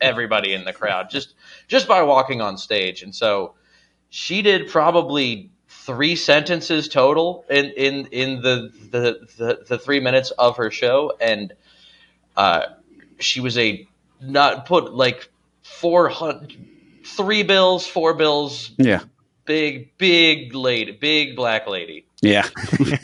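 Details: Adult male comedian who says he has a stutter: stuttering.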